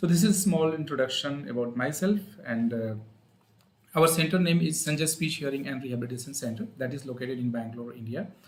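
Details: Adult male speaker; normal speech.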